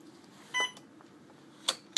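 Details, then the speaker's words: A short electronic beep and a few sharp clicks over quiet room noise: keypress sounds while turning on and setting up a patient-controlled analgesia (PCA) infusion pump channel. "turn on the infusion pump select whether this patient is New or Old then select the unit you will be working in select the PCA pump Channel confirm the time of day"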